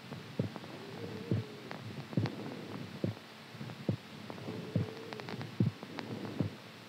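Muffled low thumps in pairs, about 70 a minute, over a steady hum; a regular heartbeat.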